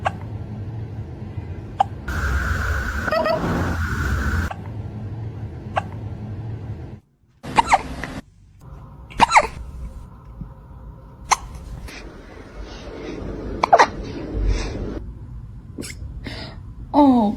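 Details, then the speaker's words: Hiccups in a cat: brief, sharp clicks recurring irregularly, about six to eight in total, over room noise. "Look at me. You have the hiccups?"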